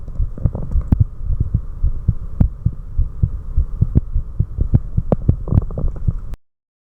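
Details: Adult's own heart recorded after four minutes of step-up exercise: fast, forceful, regular pounding heartbeat over a steady low hum; rapid heartbeat after exercise.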